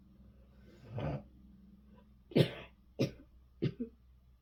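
Four harsh coughs in a quiet room: one muffled cough, then three sharper bursts close together.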